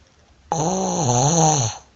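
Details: Snoring: a single loud, rough, vibrating snore lasting just over a second, with a buzzing throaty tone that dips in pitch midway.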